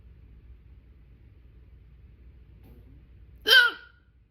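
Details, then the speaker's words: A single loud, abrupt hiccup with a sharp voiced catch in a quiet room; loud, persistent hiccups that breath-holding did not stop. "Oh! Yep. Oh! They're not ready to go away yet."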